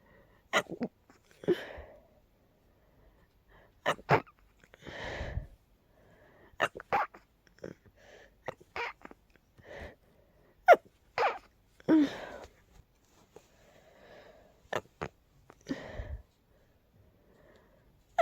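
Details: Very stifled, breathy sneezing from a tickly nose: a string of soft, muffled sneezes with quiet gaps between them, deliberately held back.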